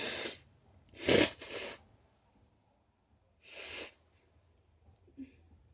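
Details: Allergy-related sneezing: a series of about four sharp, explosive sneezes with quiet pauses between.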